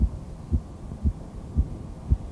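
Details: 48-year-old man with long-standing severe diabetes, heart failure with normal coronary arteries, peripheral oedema, breathlessness and left ventricular hypertrophy: regular heart sounds about 115/min with a third heart sound (gallop rhythm), second sound splitting normally, no murmur.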